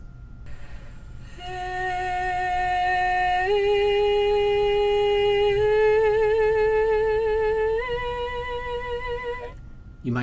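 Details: 15-year-old singer with muscle tension dysphonia: vocal cords far apart posteriorly, causing an audible breathy air leak.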